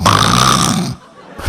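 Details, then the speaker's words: Adult man imitating his own snoring, demonstrating head-voice, nasal and chest-voice versions: a single sustained buzzing, rattling inhaled snore of about one second. "이 소리는 그 두성을 사용한 코골이야.. 이 소리는 비음이 좀 많이 들어갔어.. 이 소리는 흉성을 사용한 거야.."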